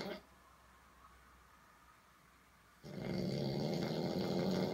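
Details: A drunk man in a quiet room gives a sustained rough, fluttering inhaled snore that continues to the end; heavy snoring.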